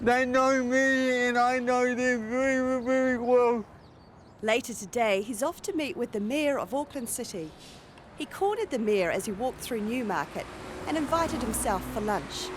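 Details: Adult male narrator, with a second voice at the start; ordinary speech.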